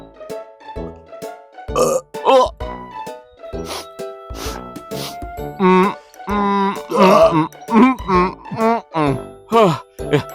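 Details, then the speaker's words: Acted, comic burping by a puppet butterfly in a comedy short: repeated loud, drawn-out burps over children's music. Not a real patient. "that all you do? Burp? Well, I'm going to name you Burp Earl."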